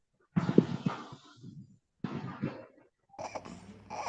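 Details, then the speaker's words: Inspiratory stridor in a child seen in a pediatric outpatient clinic, with retractions: harsh, coarse noisy breaths with a rough high-pitched quality on breathing in. "so these are both examples of inspiratory Strider and any expiratory Strider would arise from the distill Airway"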